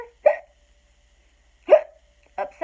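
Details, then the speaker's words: Simulated hiccups acted by an adult reading the children's book Skeleton Hiccups aloud: two short, abrupt voiced 'hic' sounds about 1.5 seconds apart, with the start of a third. "Skeleton woke up. Had the hiccups. Took a shower."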